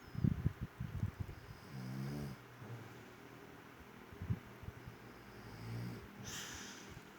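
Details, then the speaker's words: Baby snoring while sleeping soundly: low, rough snores and breathing noises against room background; the father's louder snoring is also heard in the recording. "Nah itu suara ngorok dedek. Masih kecil ngoroknya udah gede."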